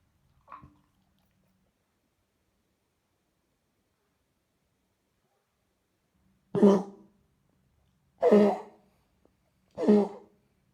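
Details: Vizsla dog with bronchitis following a cold or flu, now on antibiotics: three harsh, honking coughs after a faint gag; canine bronchitis cough with gagging.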